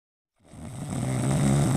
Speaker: Someone is snoring. How? Maybe daddy or grandfather.